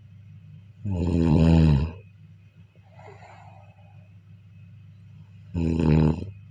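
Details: Snoring during sleep: two loud, deep, rattling snores on breathing in, with a soft breath out between, in a quiet room.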